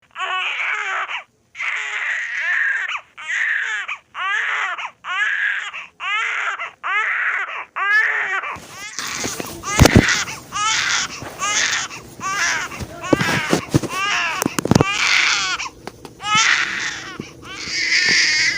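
Rhythmic, high-pitched bursts of infant crying, repeated with short breaths between, later mixed with louder room noise; an ordinary baby cry.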